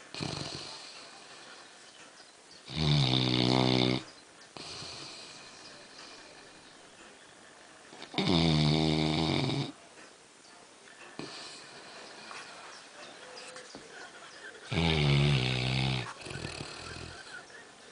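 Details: Black Labrador, about 11 months old, in deep sleep on a settee after an afternoon of swimming: three loud, rattling inspiratory snores about four to five seconds apart, with quieter breathing between; snoring.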